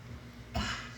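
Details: Adult male TV news host during a live broadcast, after low room hum: one abrupt, explosive cough burst that fades, part of a coughing fit that cut an interview short.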